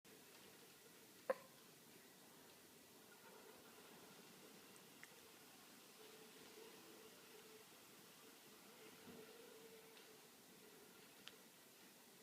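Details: Hiccups: quiet room with one sharp hiccup and a couple of fainter ones several seconds apart.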